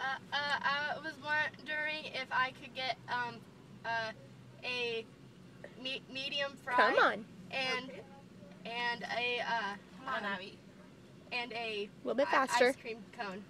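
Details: A woman deliberately imitates a stutter while ordering at a fast-food drive-through for a sociology experiment on reactions to a speech impediment, taking a long time to order. Finding: stuttering, acted rather than real.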